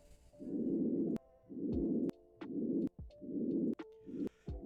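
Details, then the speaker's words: Simulated post-operative patient in a nursing vSim, lungs auscultated over further sites; all judged normal breath sounds. "all sounding pretty good to me."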